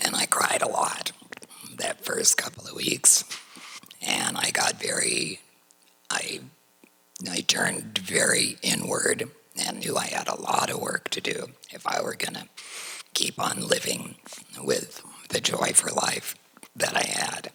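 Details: Adult woman whose larynx was surgically removed for cancer, speaking without a larynx; alaryngeal speech after laryngectomy.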